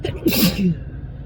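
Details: Single explosive sneeze with a sharp burst of air after a brief inhaled lead-in, from a spring sneeze compilation.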